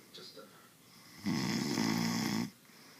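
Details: One loud, rumbling snore on the in-breath, lasting about a second, in a quiet room: snoring.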